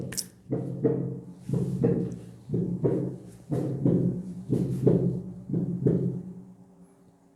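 Steady lub-dub heartbeat at about 60 beats a minute; the second 'dub' is the normal S2.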